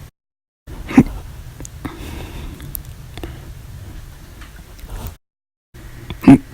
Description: 8/6/19, Violent, Loud, Silent, Minute Hiccups after Breakfast, Lunch, and Dinner Audio Only